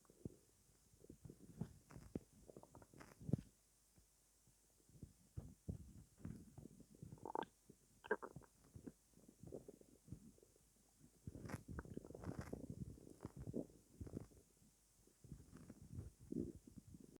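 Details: Borborygmi at night after not eating all day: irregular low gurgles and rumbles from an empty stomach, ordinary harmless hunger growling.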